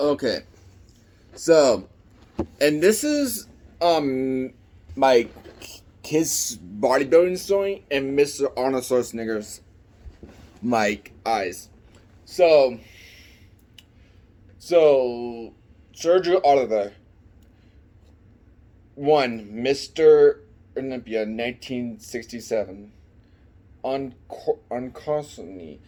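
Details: Man with an unspecified speech impediment present since childhood; speech impediment.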